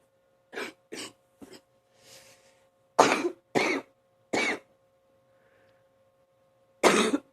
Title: # 85 another morning deep cough